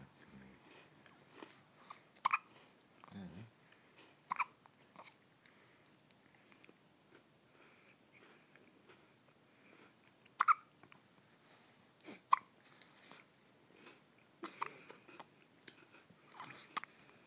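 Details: A 5-day-old newborn with hiccups: soft, sharp little hiccup sounds recurring every few seconds amid faint rustling and mouth noises.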